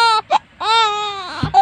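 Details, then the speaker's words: Young infant girl crying after rotavirus and pneumonia vaccine injections in the thighs. Short, strained wailing that restarts whenever her thighs are touched or brushed; pain crying after vaccination. "hindi niya na matigil ang kakaiyak Kawawa po Tingnan mo naman po ang batang maganda na yan iyak-iyak oh"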